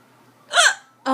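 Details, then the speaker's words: Mother with persistent hiccups while her child says "boo" to scare them away: one abrupt, sharp hiccup with a brief squeaky catch of breath. "my God I still have the hiccups okay oh that was a good boo maybe you scare them away they'll go away"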